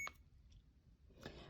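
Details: CADD infusion pump keypad beeps, short and high with quiet room sound between, while programming PCA mode (bolus 3 mg, one-hour refractory period, 100 mL residual volume entered).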